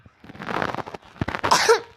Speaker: Maaf ya kalau suaraku agak gini soalnya lagi batuk-batuk.